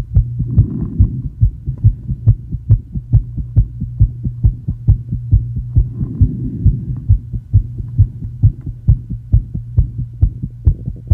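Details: Female with asthma after inhaling probably too much salbutamol, tachycardia rising from the 110s to 170 bpm: rapid, regular thumping heartbeat at about 136 a minute with a low steady hum.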